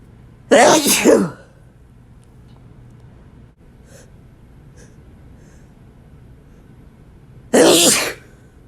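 Two loud, wet sneezes several seconds apart, with a quiet room and faint breaths between: ordinary sneezing.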